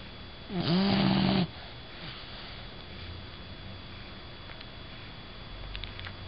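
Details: Female bulldog sleeping: one loud, rough, fluttering breath lasting about a second over quiet room noise; a single snore.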